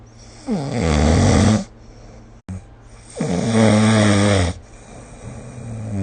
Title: 🐽 Snoring Sleep Sound / いびきの音